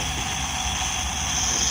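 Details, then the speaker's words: Nebulizer running for an adult who has had a cough since last night, in hospital after a delivery: steady hissing hum of the nebulizer machine. "সুমিকে nebulise করাচ্ছে, মানে ওর একটু কাশি হয়েছে, অন্য কিছু না।"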